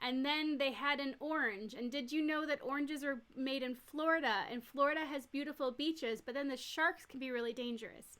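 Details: Acted demonstration of tangential speech by a nurse educator, as part of assessing thought process coherence in a mental status exam.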